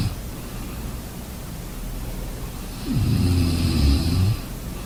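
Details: Snoring during sleep: one deep, low, rumbling snore lasting over a second against steady background noise.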